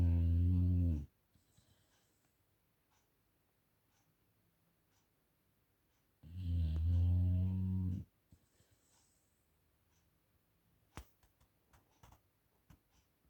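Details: A sleeping dog gives two loud, deep, rumbling snores about six seconds apart, with quiet breathing between; snoring.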